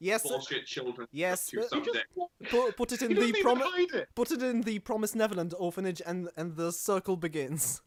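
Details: Stuttering in a male podcast host who calls himself the stammering host.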